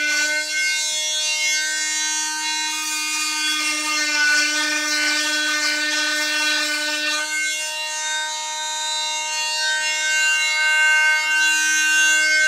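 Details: Steady high-pitched whine of an oscillating cast saw, with a rougher grinding tone as it cuts through a cast during removal.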